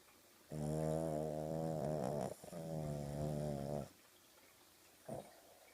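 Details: Dog asleep on a sofa with eyes open, wiggling as she sleeps; long drawn-out rumbling, buzzing nasal breaths, two in a row, then a short snort: dog snoring.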